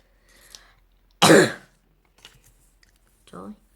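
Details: Elementary-school child narrating a paper-folding video, apologizing for coughing: one loud, short cough in a quiet small room, with faint soft sounds around it.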